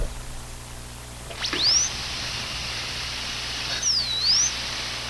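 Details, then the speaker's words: Dental office: high-pitched whine of a dental high-speed handpiece (drill), rising as it spins up and dipping briefly as if under load. "all right everybody just got goosebumps right because that's the sound that everybody relates dental care to and that is what we call the high speed handpiece"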